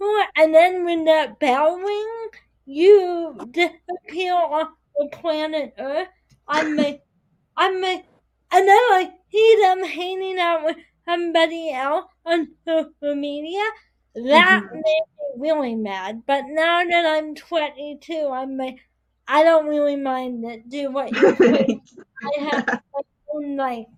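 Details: 22-year-old woman with spastic quadriplegic cerebral palsy affecting her whole body including speech, right side impaired, uses walker or wheelchair; dysarthria (cerebral palsy).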